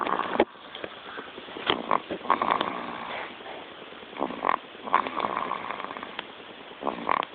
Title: Cute baby Snoring baby